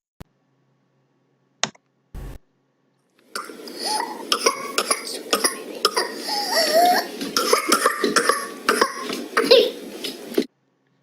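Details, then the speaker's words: Child with whooping cough (pertussis): paroxysms of rapid coughing bursts, with a long deep noisy breath taken between the bouts before coughing starts again. "so did you hear the child had bouts of cough fits of cough and in between the child took a long deep breath and again the child started coughing"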